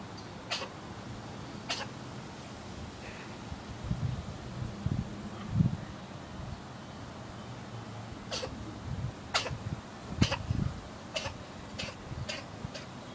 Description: Cat sneezing